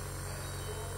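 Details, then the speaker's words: Steady low motor hum with no pauses from a Cook vacuum pump used in an IVF lab, suctioning continuously. The pump was reported as not suctioning, but the machine works and only its blocked filter needs replacing. "So, maririnig mo naman. Ayan, nagsasuction siya. Continuous."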